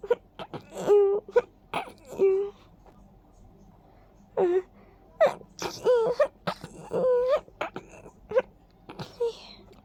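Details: A run of small, high, squeaky sneezes with quick breaths between, which the sneezer attributes to pollen tickling the nose.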